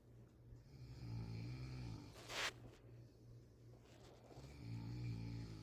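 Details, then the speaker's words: Sleeping adult: low, rumbling snores on breathing in, with a brief snort between them; ordinary snoring. "se dieron cuenta verdad todos roncamos unos fuertes otro suaves pero roncamos así que no diga que no ronca porque todo roncamos"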